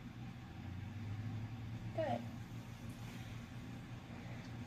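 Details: Normal bowel sounds heard by a student nurse auscultating a healthy abdomen, listening in all four quadrants during an abdominal assessment.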